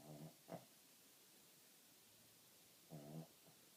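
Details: Two low, rattling, very loud snores about three seconds apart from a sleeping dog; snoring.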